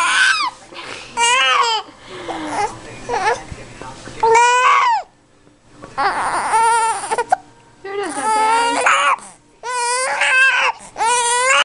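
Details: Repeated loud wailing cry bursts from a distressed infant with hiccups, separated by brief breaths in a small room; infant cry.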